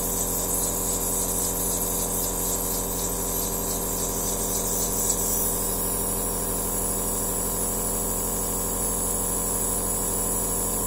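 Steady mechanical hum with a fast, even pulsing of a small compressor, the continuous running sound of a nebulizer.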